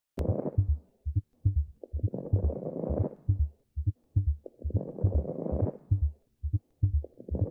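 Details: Abnormal heartbeat: low heart thumps at about 69 a minute with recurring stretches of rushing noise.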